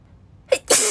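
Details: A short indrawn catch followed by an explosive, hissing burst: a single sneeze from a girl.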